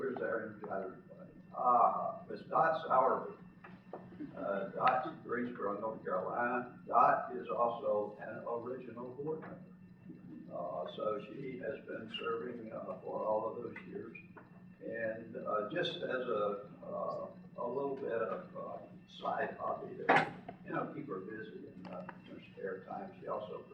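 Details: Spasmodic dysphonia in a man who lives with the voice condition himself.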